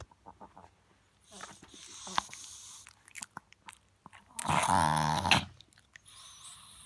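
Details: A Chihuahua reverse sneezing: short snorting, sniffing breaths, then a loud, drawn-out honking inhalation.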